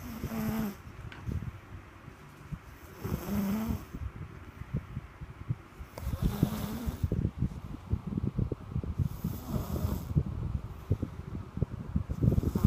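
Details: Snoring: low rumbling snores with each breath over irregular clicking and rustling background noise.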